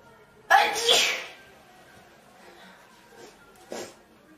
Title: Four girls sneezing